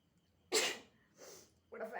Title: hiccups cough and sneeze with text